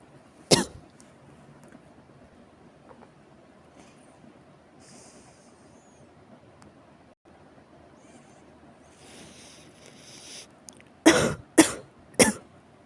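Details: Severe cough: an isolated harsh cough, then after a quiet pause a run of three forceful coughs in quick succession; repeated dry-sounding cough.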